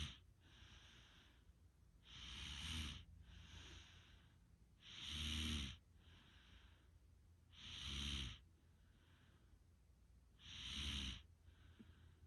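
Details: Snoring: loud, rattling snores on each in-breath with softer out-breaths between, about 22 breaths a minute.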